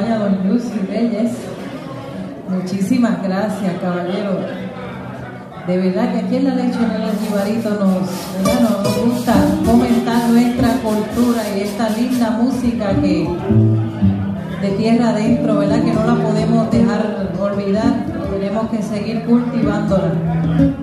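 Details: Adult male speaker; Normal voice.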